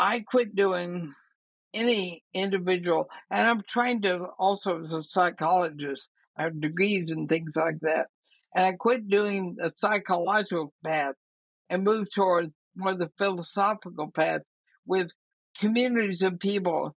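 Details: Dysarthria in a woman of about 80 with ALS (Lou Gehrig's disease); she says her speech already shows quite a bit of trouble but she thinks she remains intelligible.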